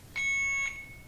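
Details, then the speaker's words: Alaris IV infusion pump during setup, in a training demonstration: a single short high-pitched electronic alarm tone signalling air detected in the line; air-in-line alarm. "and we have air in the line good deal did that without trying"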